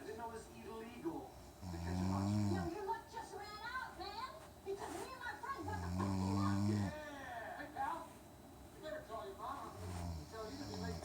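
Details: Snoring in a sleeping person: loud, low rumbling snores on inhalation, about three in eleven seconds, with quieter breathing and room sounds between them.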